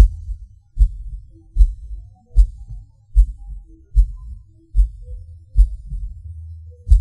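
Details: Recording of own heartbeat with PVCs/PACs: low thumps about 75 a minute with uneven spacing and varying strength, pauses felt as a falling sensation; irregular heartbeat with premature beats.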